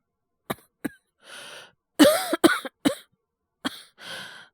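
Several short, harsh acted coughs, one a quick double, with hoarse breaths between; a voice actor imitating a cough from a cold.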